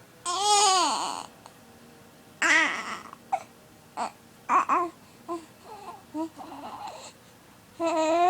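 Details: 6-week-old baby boy upset by hiccups: wailing cries broken by short fussy sounds and gasps in a small room; infant crying.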